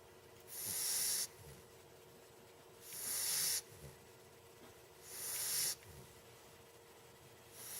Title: puppy snoring